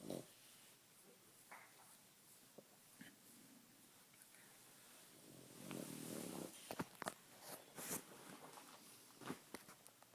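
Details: French bulldog (female) having a reverse sneezing episode: a run of harsh, snorting inward breaths.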